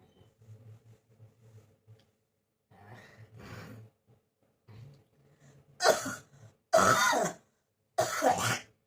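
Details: Soft throat-clearing sounds, then three loud harsh cough bursts, in a person coughing for many days, on medicine, blaming hot-cold weather changes; a persistent cough with cold.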